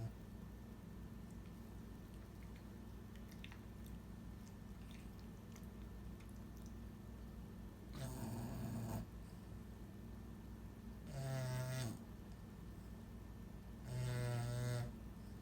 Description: tongue is too big for his mouth and contributes to his snoring.